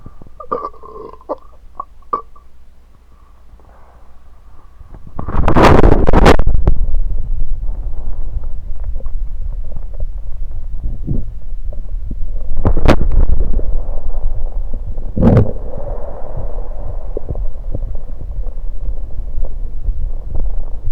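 Close-up gurgling stomach rumbles with several loud burps after drinking soda, a normal release of swallowed gas.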